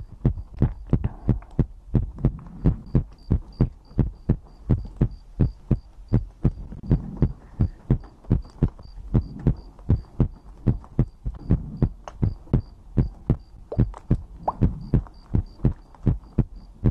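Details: ASMR recording of a person's own heartbeat made for sleep: even thudding lub-dub near 95 beats a minute with light ticking behind; normal heartbeat.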